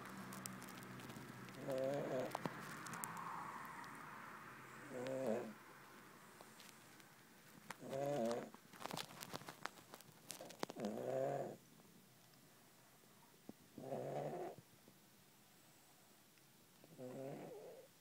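Soft, rattling snores from a sleeping cat, about 20 breaths a minute, with faint clicking noise in the background.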